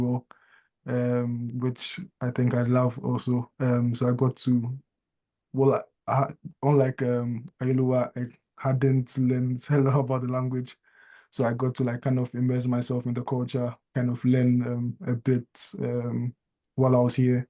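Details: Adult speaker; ordinary conversational speech.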